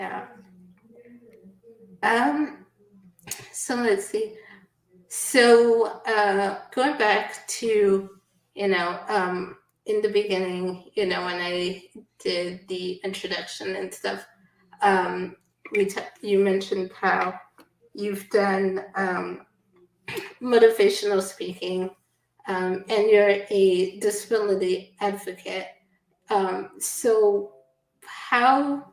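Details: Adult woman speaking; typical speech.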